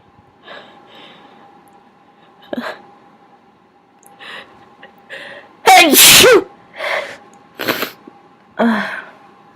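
Soft breathy catches build up to one loud explosive sneeze, followed by a few short breaths and sniffs; quiet room.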